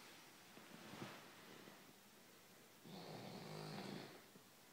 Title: Dog snoring